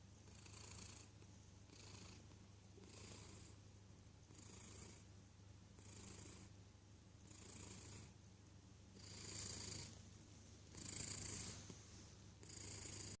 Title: Cat snoring